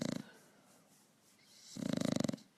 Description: Adorable SNORING Pug catches 40 winks on the couch